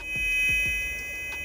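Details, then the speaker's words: Simulation of an adult man's severe tinnitus as it sounded two weeks earlier, before improving about 40–50% during a 30-day water fast: several steady high-pitched ringing tones layered together. "How is your tinnitus? Can you tell the difference yet? Great question. That's the big question, right? The entire reason I'm doing the fast, and I have seen improvement. Here's what my tinnitus sounded like 2 weeks"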